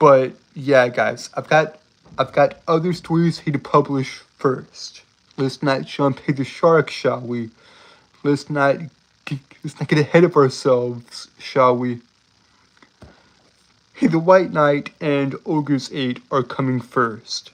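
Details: Adult male with a self-reported speech impediment that makes him stutter and trip over his words throughout; stuttering.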